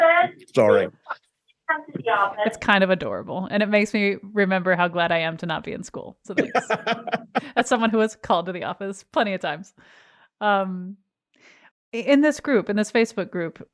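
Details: Adult speaker; typical speech.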